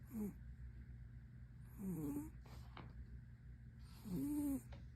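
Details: Maine Coon cat asleep with one eye open, snoring: soft, short nasal snores with each breath over a low background hum.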